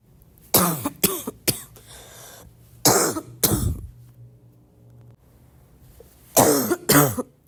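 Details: Several harsh, loud, congested coughs in short bursts with pauses between, amid throat clearing and snorting: a congested barking cough.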